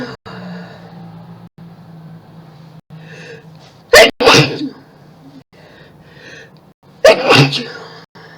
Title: Tons of Sneezes and Mess!!